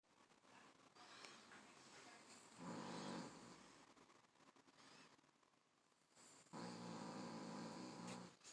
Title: snoring 🐕